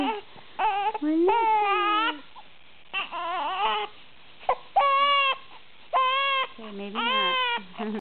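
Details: Infant crying in repeated rhythmic bursts with pauses between cries, in a recording noted for the infant's hiccups; an ordinary infant cry.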